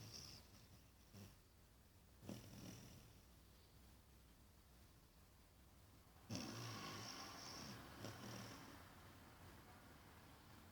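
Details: Five-month-old Australian Shepherd–Labrador mix dog asleep, snoring with low rattling breaths and snuffly rises.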